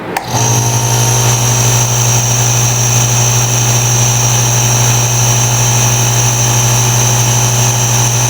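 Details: Nebulizer compressor (a Beurer IH 18 is linked) switched on: a loud, steady motor drone with a low hum and constant hiss that starts abruptly and runs evenly.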